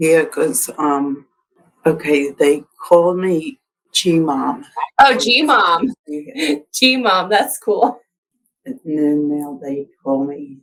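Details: Adult woman with aphasia after a December 2022 stroke affecting the left-hemisphere language center, mainly expressive, with word-finding difficulty; comprehension, reading and memory intact; expressive aphasia.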